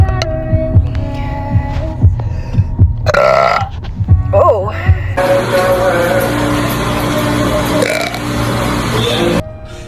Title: burping